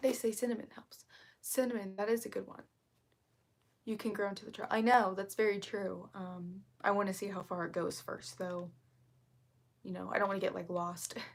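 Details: Vocal fry in an adult female, self-reported as currently really bad, which she attributes to speaking quietly so as not to disturb someone working in another room; vocal fry.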